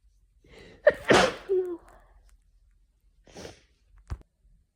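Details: Afternoon sneezing fit from hay fever: a sharp intake of breath, then a loud sneeze, softer follow-up breaths and a small second burst.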